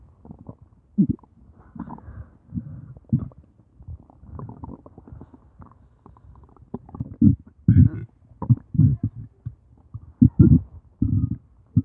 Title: Stomach Growling and Big burping (Audio only)